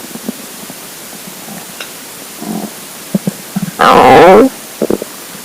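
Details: Hungry, empty stomach: soft gurgles and clicks, then a loud, long, wavering growl with a few brief gurgles after; borborygmi (stomach rumbling).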